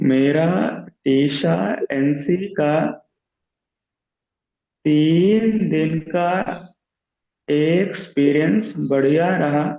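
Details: Man who stammers, in a stammering self-help group, practising voluntary stammering; sound repetitions are audible; stuttering.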